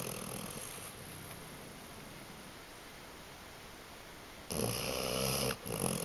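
Quiet room hiss, then a loud rough rattling snore that breaks off briefly and resumes; snoring during sleep.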